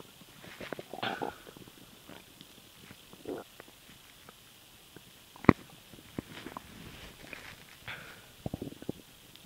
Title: STOMACH NOISE WHEN SWALOWING AIR